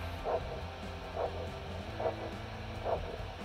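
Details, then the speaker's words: Ankle brachial index: handheld Doppler over posterior tibial artery at the ankle during cuff release; four regular whooshing pulses at about 69/min over low hum, signal returning around 100 mmHg. "now that we have located the posterior tibial signal we're going to inflate our blood pressure cuff until we no longer can hear the signal and then we're going to gradually release the blood pressure cuff until the signal"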